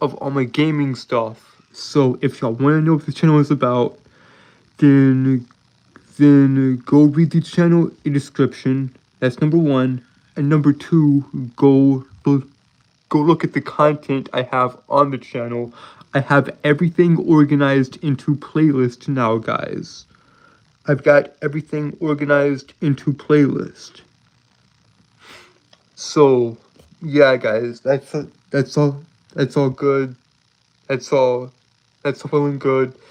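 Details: Self-reported speech impediment in a male streamer, with disfluency of word and phrase repetitions; finding: speech impediment with disfluency.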